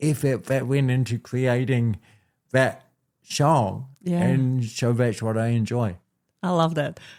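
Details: Dysarthria in an adult man born with cerebral palsy, a physical disability affecting how messages travel around his body; he was told walking and talking would be his biggest challenges.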